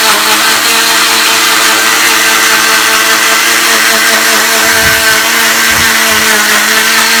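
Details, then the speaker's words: Oscillating cast saw cutting down the side of a girl's leg cast: loud steady high-pitched whine; the blade vibrates back and forth so it moves with skin but cuts the cast. "see how it's just vibrating y so that way if it hits your skin it'll move with it but when I hit the cast cut it off"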